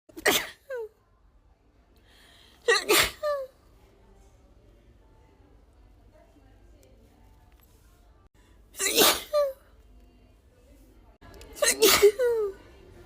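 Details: Woman with allergies, tickly allergy sneezes edited into a loop: four sharp sneezes, some with a short voiced tail, separated by quiet pauses.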